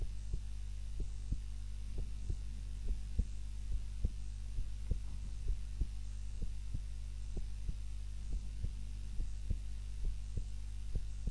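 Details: Normal heart sounds during an afternoon nap, self-recorded on a timer while lying on the back (usually prone): steady paired low thumps over a constant hum.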